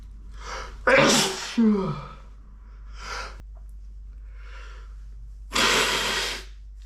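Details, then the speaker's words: Sneezing into a handkerchief with nose tickling, suspected autumn allergies (ragweed or dust uncertain): a sharp sneeze burst with gasping intake, then a second sneeze, in a quiet room. "It's really bothering my nose. Good thing I have my handkerchief. It's really. I think I'm gonna sneeze."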